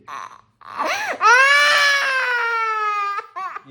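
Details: Young girl crying in a tantrum while splashing water everywhere: a loud, sustained wailing cry with short sobbing breaths before and after, and room sound in the background.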